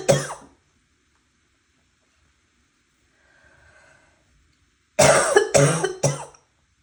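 One harsh cough, a pause with faint breathing, then a rapid run of three more; four loud, wet, barking coughs in all.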